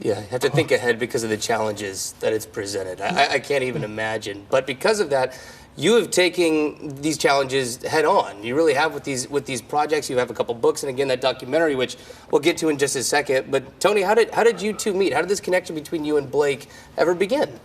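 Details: Adult male speaker; Typical adult speech.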